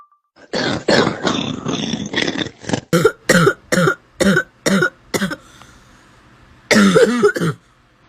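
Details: A harsh, drawn-out cough, then a quick regular run of about seven short coughs, a pause, and a final cluster: repeated coughing fits.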